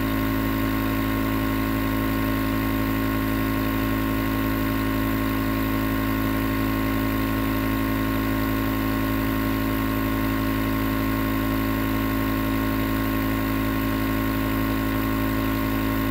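Steady loud humming drone of a nebulizer compressor running continuously, with no breaks.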